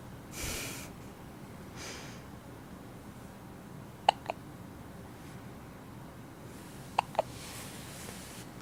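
Two pairs of sharp, brief hiccup-like catches in a quiet room, with soft breaths between them.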